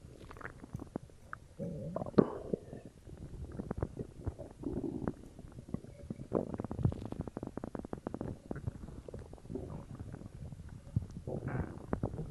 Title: Stomach growl (Coke)